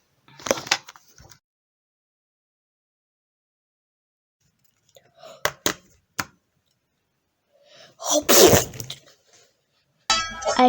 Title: how girls sneeze in public vs home